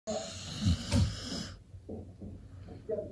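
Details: Fast asleep with tongue out and twitching: a loud, snorting, rattling breath followed by softer puffing breaths, a brief episode of snoring.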